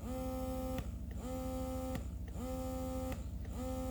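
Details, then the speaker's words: Humming motor tone rising and dropping about once a second from an electric Baby Buddha breast pump in stimulation mode, doing repeated short straight pulls then a longer pull; pump also vibrates. "it's doing lots of straight pulls and then it will do a longer pull some people like this feature and some people don't this pump also has vibration in it"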